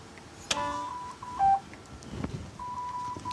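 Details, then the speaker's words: Simulated setting, intubated patient-simulator manikin: repeating electronic alarm tones from a mechanical ventilator, an active alarm requiring bedside assessment. "and that's the way the ventilator alarms so if you hear that noise that will be an active alarm that you will have to assess"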